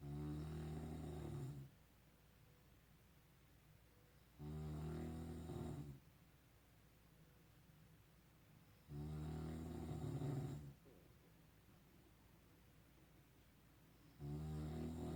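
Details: Adult man (father) snoring loudly while asleep at night, recorded 2019: low, rumbling snores about 13 per minute, each over a second long, with quiet gaps between; heavy snoring likened to an elephant.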